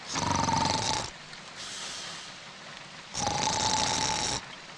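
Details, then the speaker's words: Acted loud snoring in a Kannada film scene: two loud, rattling, fluttering snores on breathing in with a quieter breath out between, as a character complains about how loudly the other snores. "ಥೂ ಹೆಂಗೆ ಗೊರಕೆ ಹೊಡಿತಿಯ ಗೊತ್ತಾ ನೀನು"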